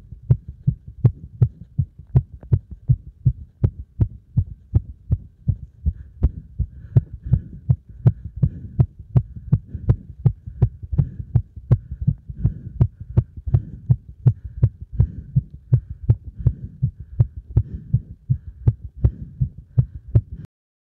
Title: 強めな運動負荷で暴れる心臓